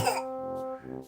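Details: Young child gives a single brief, forced fake cough to get sweet medicine, followed by background music; voluntary (fake) cough.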